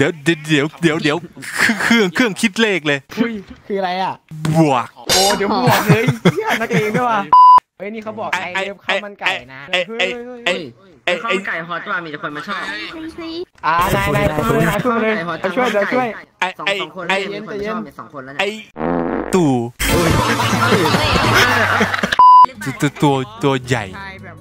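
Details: Male player deliberately faking a stutter as a prank, with repeated words and syllables; finding: stuttering (imitated).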